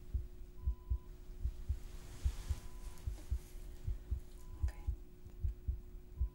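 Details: Simulated ASMR nurse discharge exam: stethoscope on the chest while the patient takes deep breaths in and out; normal heart sounds.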